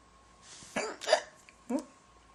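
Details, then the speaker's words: Girl with ordinary hiccups: three short, abrupt hiccups less than a second apart in a quiet room, in a bout that keeps recurring; she notes holding her breath doesn't help. "hiccups. Waiting for them to be over. Because I can't do anything else until they're over."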